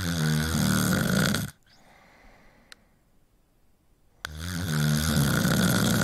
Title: Snoring Sound Effect